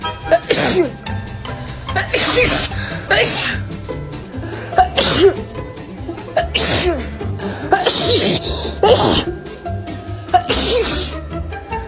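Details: Repeated sharp sneeze bursts, about eight over twelve seconds, with background music, from a short sneezing compilation; sneezing.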